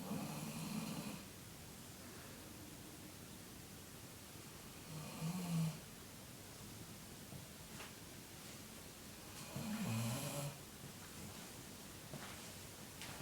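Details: A sleeping dog, a female, lying on the sofa snores in three rough, low bursts, about 13 a minute, over quiet room noise; snoring.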